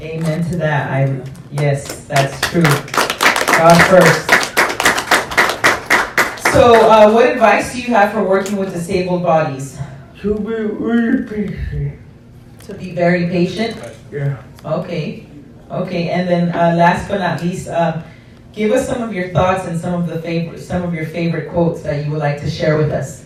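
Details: Adult male interviewer, with applause and a second speaker; normal speech.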